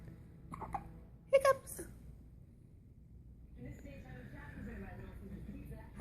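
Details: Hiccups on his first day home from the hospital, described as a bad case along with flatulence: short, abrupt voiced catches, with quiet talking in a small room afterward.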